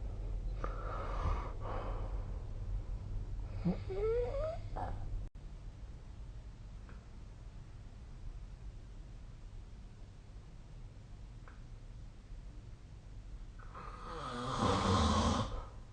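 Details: Snoring recorded with the SnoreLab app: two rough, rattling snoring breaths with a whistling edge, separated by a long quiet stretch with faint breathing; snoring during sleep.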